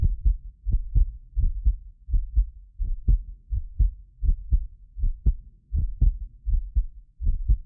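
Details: Heartbeat of a self-described medically fit person, recorded with more than six precision contact microphones; steady beat about 83 a minute, occasional doubled clicks from the roughly 6 ms microphone delay, not the heart; normal heart sounds.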